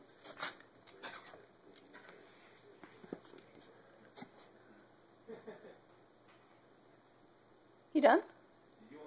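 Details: Dog that otherwise seems perfectly happy gives one short, forceful cough after several seconds of faint snuffling in a quiet room.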